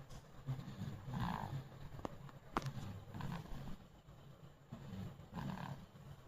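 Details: Baby boy snoring gently: soft, low rumbling breaths every few seconds with a couple of faint clicks.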